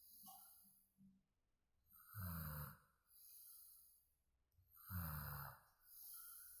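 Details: Sleep snoring: soft, low snoring with each breath, two louder rattling snores standing out against quiet breathing sounds.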